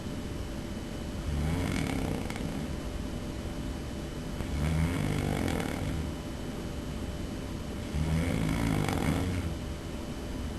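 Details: Person recorded snoring by a roommate: loud, low, rattling snores on three slow breaths in about ten seconds, each over a second long; heavy snoring during sleep.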